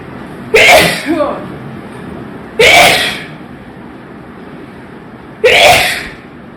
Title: Sneezing And Nose Blowing Challenge Part 15😂😂😂